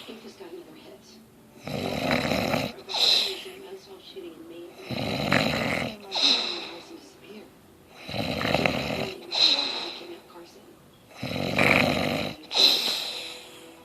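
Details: Loud, rough snores on each in-breath, about four in fourteen seconds, with quieter out-breaths between; ordinary heavy snoring from someone who denies snoring. Snoring.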